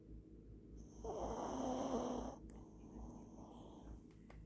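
One rough, rattling snore on breathing in, over steady low room noise.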